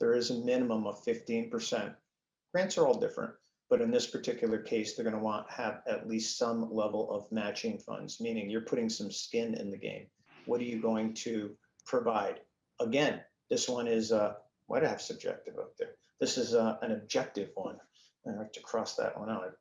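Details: Male speaker with spasmodic dysphonia, a neurological vocal cord disorder diagnosed a couple of years after 2001 through a telemedicine consult; he says symptoms act up and are audible; also has Duane syndrome (neurological eye disorder); spasmodic dysphonia.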